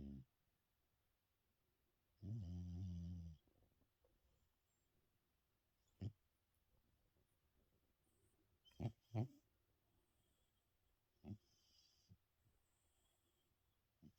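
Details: One long, low, rattling snore then faint scattered snorts and clicks in a quiet room, from an ageing subject who has always snored and is now snoring louder; snoring.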